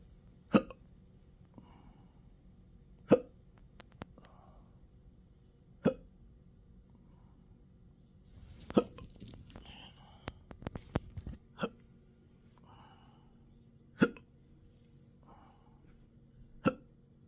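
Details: Intractable hiccups since December 9, 2015, with breathing and choking spasms, belching and developing type III achalasia, occurring in daily 12-hour episodes: seven sharp, regular hiccup clicks about every three seconds, with faint breathing between them.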